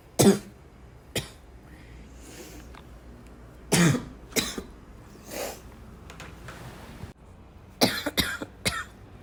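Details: About seven sharp, irregular coughs over nine seconds with softer throat-clearing noises between them in a quiet room, from someone coughing a lot; repeated cough with throat clearing.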